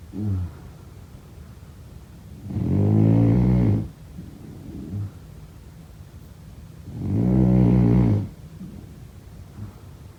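Slow, deep droning snores about every four to five seconds, each lasting over a second, with soft breaths between; adult sleep snoring.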